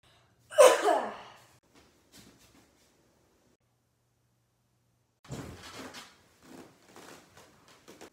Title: When you cough or sneeze in public nowadays